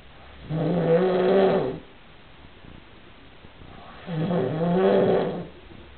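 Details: Snoring in sleep: two loud, rough, buzzing snores about three and a half seconds apart, quiet between them; ordinary snoring.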